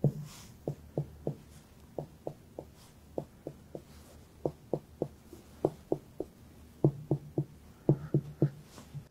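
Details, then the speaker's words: Adult abdominal examination, after normally active bowel sounds: light finger percussion taps in small groups, hollow, slightly higher-pitched tympanic note over the stomach, duller elsewhere, normal. "over your stomach is normally tympanidic like this it's a little higher pitched whereas the other parts are a little more dull which is fine"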